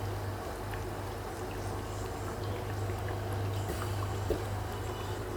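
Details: Owgels 5 L/min oxygen concentrator, output said above 90%, with distilled-water humidifier: steady low motor hum with airy hiss and faint bubbling while running, timer being tested.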